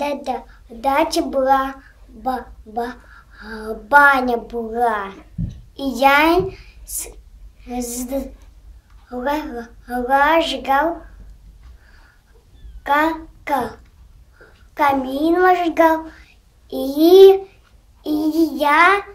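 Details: 5-year-old boy with stuttering, recorded before a three-week stuttering treatment course: stuttering.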